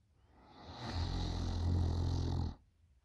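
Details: 20-year-old girl snoring very loudly during sleep: one long, loud, low, rattling snore on the in-breath.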